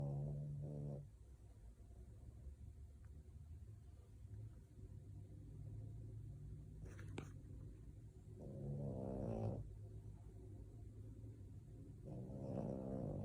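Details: French Bulldog in deep sleep snoring like a human: low fluttering snores that come and go over steady room hum.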